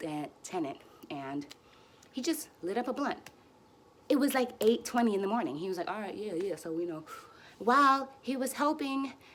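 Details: Stuttering in an adult woman who uses easy onsets, light contacts and voluntary stuttering for nearly fluent speech; she is frustrated and tense here and says her stutters are a little long.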